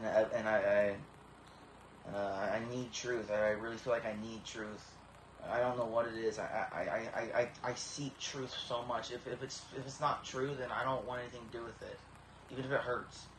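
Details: Adult man with about 20 years of severe Tourette syndrome, deep brain stimulation at about age 12–13 that did not work, tics significantly reduced over past year but present; Tourette syndrome with vocal tics (word repetitions).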